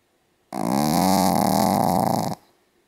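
A loud, sustained, rattling breath noise lasting about two seconds; heavy snoring.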